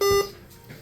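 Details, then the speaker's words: Single short, high electronic keypad beep on a syringe pump as the 10 mL volume to be infused is entered in time mode while programming a slow injection. "so I have to select the number one to highlight that spot and I'm going to hit 10 mils and I'm going to hit enter"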